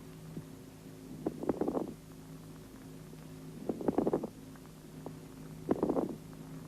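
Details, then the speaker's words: Moist (coarse) rales heard by stethoscope over the lungs, from liquid secretion collected in the bronchi: three breaths with bursts of bubbling, gurgling crackles over a steady low hum. "при скоплении в бронхах жидкого секрета ша влажные"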